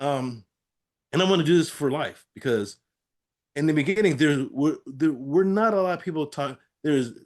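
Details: Aphasia after a stroke in an adult man; finding: aphasia.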